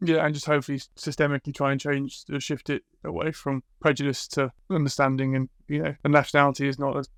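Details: Adult man speaking; typical speech.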